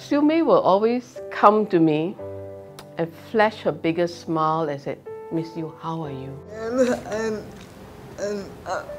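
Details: Adult woman speaking; typical speech.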